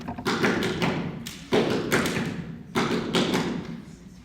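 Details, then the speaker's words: S3 gallop from the ventricles in chronic heart failure with acute exacerbation: slow heart sounds with an extra early beat after the second sound, giving a three-beat gallop rhythm. "It's called gallop. S3 gallop. What is making that sound? The S3. Ventricles."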